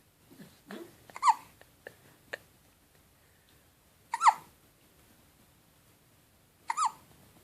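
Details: Baby's hiccups: short, sharp catching sounds repeating every few seconds in a quiet room; infant hiccups.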